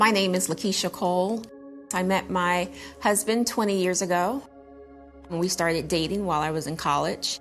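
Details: Adult woman speaking; ordinary speech.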